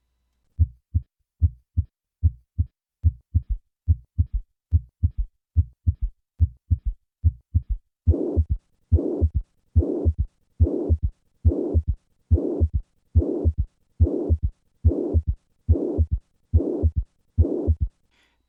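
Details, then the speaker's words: Simulated severe mitral regurgitation at about 71 beats a minute: normal heart sounds first, then a third heart sound is added, and finally a loud systolic murmur. "listen to the sound of severe mitral regurgitation with a third hard sound I will begin with normal sounds and then add the third heart sound and finally the systolic murmur"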